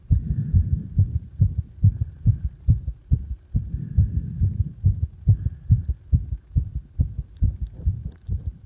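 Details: Own heartbeat recorded during CPR: fast, regular, low thumps at about 140 a minute with a low rumble between beats; rapid heartbeat.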